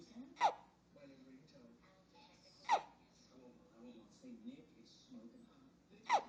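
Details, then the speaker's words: Baby with hiccups: three abrupt, brief hiccup sounds every two to three seconds, with quiet baby noises and soft talk between. "Aww, poor baby. Hiccups, hiccups, go away. Come again another day."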